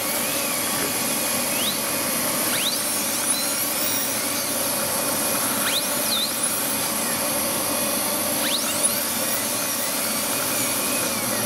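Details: Live veneer preparation of maxillary anterior teeth in a dental student with a diastema, smile-design case: high-speed handpiece depth cutting under water spray, steady high whine with rising and falling squeals as speed changes.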